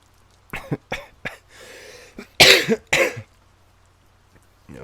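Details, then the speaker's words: Cough of a man acting sick in a roleplay, who says he really is ill: a few short throaty coughs, then two harder, louder coughs, with a breathy sniff between. "Did you hear that? And that is the cough of a sick man. A sick man who needs your love and attention right now."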